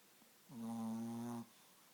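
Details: Chihuahua snoring, described as funny; one sustained, tonal, whistling-buzzing snore lasting about a second in a quiet room.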